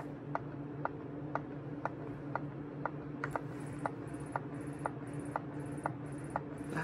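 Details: Newly unboxed Medela electric breast pump, obtained through insurance, being tried out and felt on an arm rather than used for nursing. There is a steady motor hum with soft clicks about twice a second, then a faint high whine as it cycles suction.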